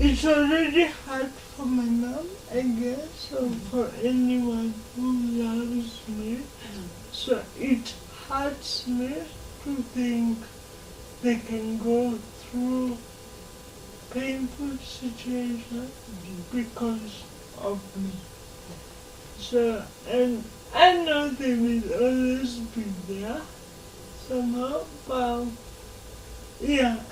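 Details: 26-year-old woman with lifelong cerebral palsy whose speech she says makes her hard to understand, though she is verbal; dysarthria (cerebral palsy).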